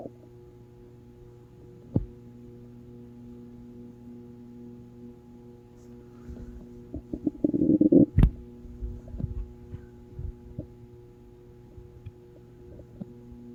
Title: Hope you guys didn't hear My Stomach growling